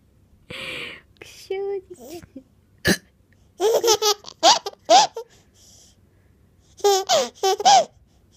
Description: 生後7ヶ月の赤ちゃん、しゃっくりしてゲラゲラ笑ってとっても可愛い。